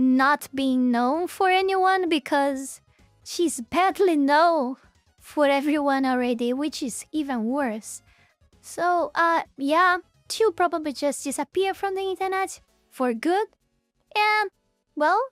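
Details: Single speaker, high-pitched voice; ordinary speech.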